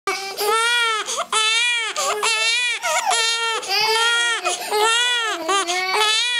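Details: Loud, sustained infant crying in repeated long wails, about one a second, with brief gasping breaths between them; infant crying.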